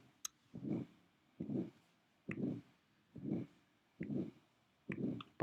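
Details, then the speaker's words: Veterinary patient, stethoscope at the thoracic inlet over the jugular/carotid area: regular whooshing bursts at about 70 a minute, an aortic systolic murmur radiating to the carotid. "el soplo aórtico se propaga muchas veces en la cartilla pone el fonendoscopio ahí y escuchan este"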